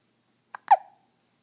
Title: Hiccup baby